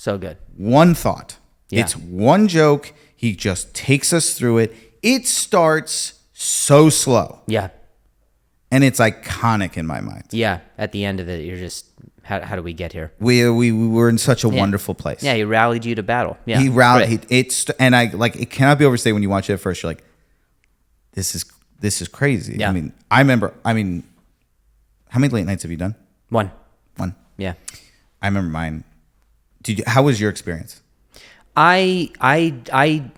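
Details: Comedian and podcast host known for his stutter, described as a speech impediment, speaking in conversation; stuttering.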